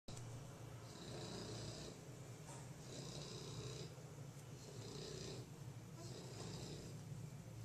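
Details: Steady low rumbling snores from a sleepy bulldog asleep, about four breaths over eight seconds, each with a hissy airy edge; dog snoring.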